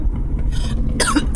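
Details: One sharp cough from an adult inside a car, heard over a steady low engine rumble.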